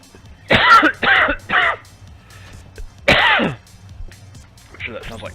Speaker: Bad time for a coughing fit.